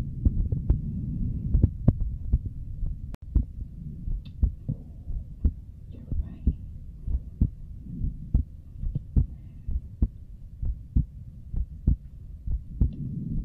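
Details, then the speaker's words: A streamer's own heartbeat picked up by a microphone during an ASMR stream, steady low thumps at about 64 a minute under a soft hum; the streamer says it is beating hard, with two normal pumps then two very hard ones; a normal heartbeat. "It's beating hard because this mic actually just went in a red. It's very interesting because it pumps twice normal, and then it's pumping two times very hard."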